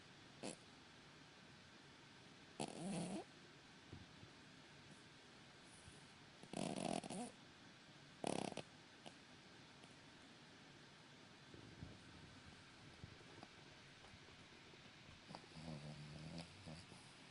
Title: Dog snoring and dreaming Cavalier King Charles